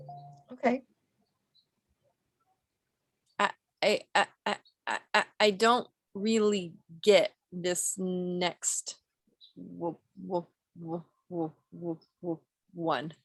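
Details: Acted stuttering by a female client in a clinical skills therapy role play, with whole-word and part-word repetitions and interjections.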